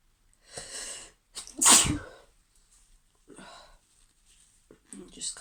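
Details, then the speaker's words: Sneezing fit in a woman: sharp inhaled build-up and forceful sneeze followed by further quieter sneeze-like bursts; repeated sneezing she is trying to stop. "Oh, I got a lot to do today. I really want to not keep sneezing."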